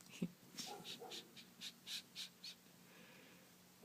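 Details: Snoring in a kitten (Waddles), filmed in the morning: rapid, regular soft snuffling breaths, about eight in two seconds, with faint room hum.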